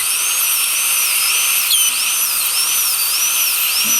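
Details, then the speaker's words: A high-speed dental drill with a number one high-speed bur cuts through the mesial triangular fossa of a crown on a lower left first molar with failed endo, to remove the crown; a steady high-pitched whine wavers in pitch. "the first step is I take a number one highspeed bar and index it and uh then I go back and vertically that bir kind of wants to dance around a little bit"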